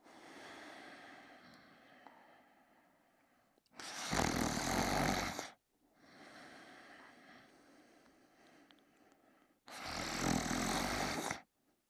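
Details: Person sleeping and snoring: two loud, harsh snores on breathing in, each about two seconds, separated by quieter breathing out; ordinary heavy snoring.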